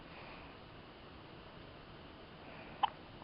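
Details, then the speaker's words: A single short, sharp hiccup near the end over quiet room hiss, heard while awake and also yawning and tooting; hiccups. "You're wide awake right now, aren't you? Hiccuping and yawning and tooting. All these things."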